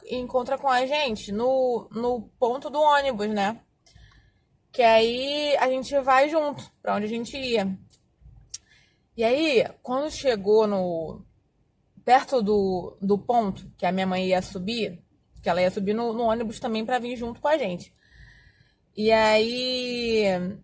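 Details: Adult Portuguese-speaking woman who says she has stuttered for more than 20 years; stuttering.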